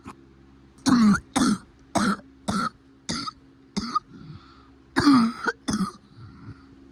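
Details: Improving cough: a run of about eight short coughs with a voiced, throat-clearing quality over faint background noise.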